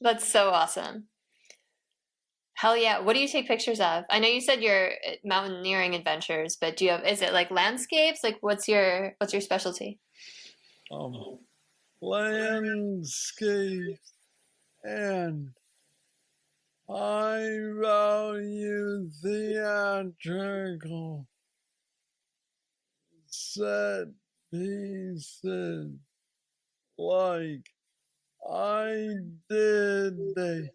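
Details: 46-year-old man with Parkinson's disease diagnosed at age 35, which he calls the most aggressive form; he has a deep brain neurostimulator implant and mobility struggles; Parkinsonian speech (hypokinetic dysarthria).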